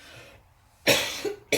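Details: A quiet breath, then two sharp, harsh coughs close together from a speaker who is unwell and sick during the recording.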